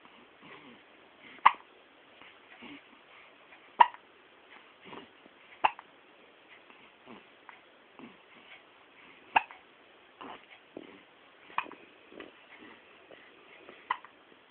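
Short sharp hiccup sounds recur irregularly about every two seconds in a quiet room, with softer breathy sounds between them.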